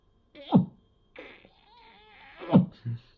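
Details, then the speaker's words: Abrupt, loud voiced grunts breaking up quiet speech from an adult with Tourette syndrome or chronic tic disorder whose tics have been worsening lately; a vocal tic. "So I don't really talk about this very often unless somebody asks me about it, but my tics have been going pretty crazy lately."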